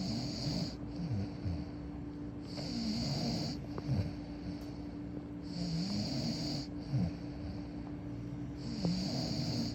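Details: Low, rattling breaths repeating about every three seconds during sleep, with a hiss on each breath and a steady hum in the background: ordinary snoring.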